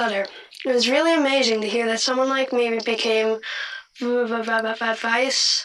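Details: A 13-year-old boy who stutters; real speech.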